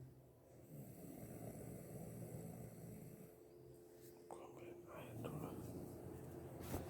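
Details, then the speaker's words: Sleeping adult woman snores loudly throughout with a rough, low rattling noise, with faint television in the background. "Berisik banget kamu ngorok."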